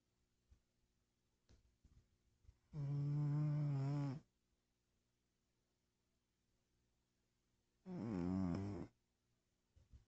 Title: Mr. kitty snoring